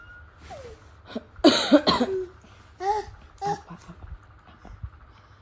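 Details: Baby with fever, cough and cold: several short, moist cough bursts mixed with baby vocal sounds in a small room.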